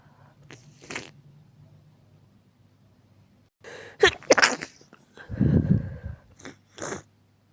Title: [男性向け] (くしゃみ) sneeze